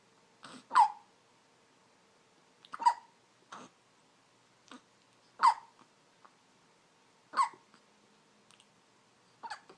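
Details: Hiccups in a preterm baby girl aged 2½ months actual, 1 week corrected age: sharp, brief gulping sounds recurring at irregular intervals, about 13 a minute, in a quiet room.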